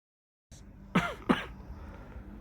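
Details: Two short, sharp throat-clearing bursts close together, then quiet room noise, recorded while the speaker's sleeping brothers, said to snore, are asleep.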